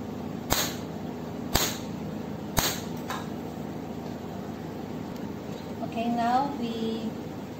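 Three sharp snapping clicks about a second apart as a laser handpiece is test-fired, followed by a brief electronic tone.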